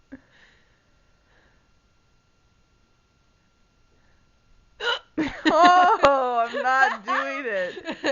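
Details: Girl with the hiccups: a brief, sharp hiccup click in a quiet room, followed some seconds later by talking and laughter.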